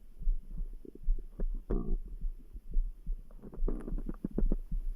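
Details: Gurgling, rumbling bowel sounds (stomach grumble) over a steady background heartbeat of about 73 per minute; ordinary borborygmi.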